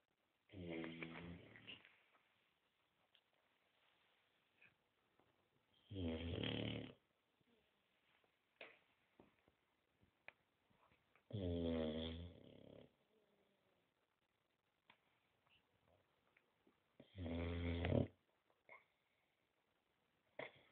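Loud, rattling snores about every five to six seconds, quiet in between; a sleeping short-nosed dog snoring.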